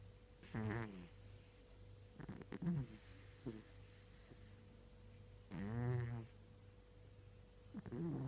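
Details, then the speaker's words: Sleeping cat snoring: low rumbling snores on each breath, about 28 a minute, with quiet room hum behind. "Russi, muccia. Eh? Cosa stai facendo? Stai russando?"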